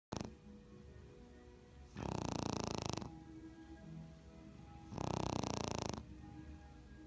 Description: My smooth coat Brussels Griffin named Mollie, snoring lol